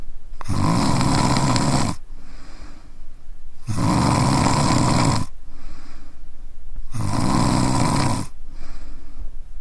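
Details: Adult male snoring, field-recorded on a TASCAM DR-1: loud, rattling snores on each inhalation with quieter exhalations between, about 24 breaths per minute; ordinary snoring.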